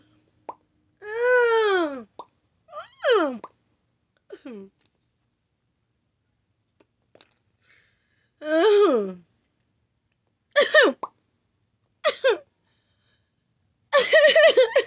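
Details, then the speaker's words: Adult parent in a continuous tic attack, before taking an emergency THC inhaler and essential oil: sudden brief vocal outbursts including a wailing cry, short squeals and clicks, with apologies that nothing can be controlled; involuntary vocal tics. "i'm so sorry um i'm so sorry um i really can't control anything that's happening"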